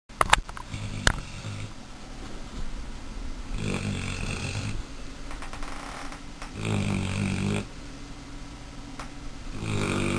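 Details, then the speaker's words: A sleeping Mastiff puppy snoring with its eyes open: loud, rough, low rattling snores every few seconds in a small room while someone tries to wake it. "How do you make so much sound? Oh my gosh! Shh! Nico! Snoring bastard! Nico, wake up! You snore with your eyes open."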